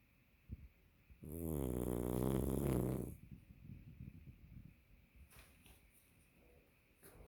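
A loud, rattling snore that lasts about two seconds, followed by quiet sniffs and light breathing. Ordinary dog snoring.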